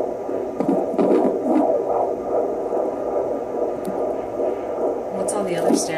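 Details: Rapid, rhythmic whooshing pulses through Doppler static: the fetal heartbeat of a baby girl at about 150 beats a minute.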